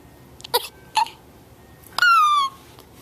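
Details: Three sudden, sharp hiccup bursts about half a second apart, the last followed by a short high squeal; infant hiccups.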